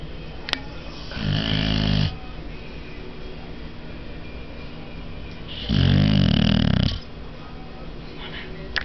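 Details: Sleeping Boxer dog snoring: two long, low rumbling snores about four seconds apart, with steady room noise between them; snoring.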